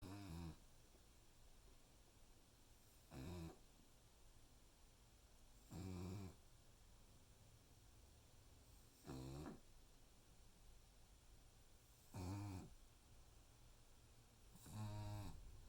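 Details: Regular rumbling snores about every 3 seconds, roughly 20 a minute, with quiet pauses between them; snoring.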